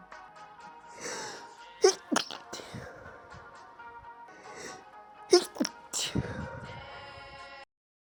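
A run of sharp sneezes, some preceded by a gasping intake, with music playing in the background; a sneezing fit.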